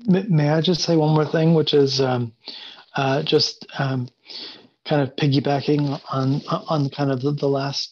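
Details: Adult male panelist who stutters, speaking on a panel about a conference for people who stutter; stuttering.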